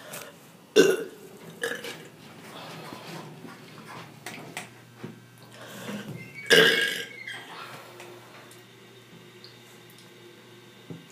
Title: Loud burping